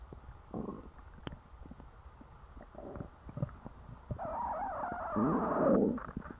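Gurgling, bubbling and long rumbling growls from the belly; ordinary stomach growling after a large meal.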